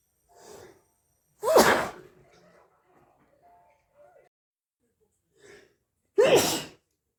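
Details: Two loud sneezes, each with a short in-breath before the burst and quiet breathing between; repeated sneezing attributed to hay fever.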